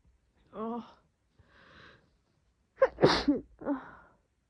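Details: Woman: a drawn-in breath, then a wet, forceful, messy sneeze followed by a second sneeze; sneezing.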